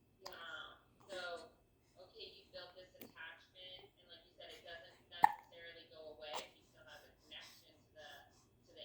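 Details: 3-month-old baby cooing and babbling, with occasional sharp, abrupt hiccups breaking into the vocal sounds.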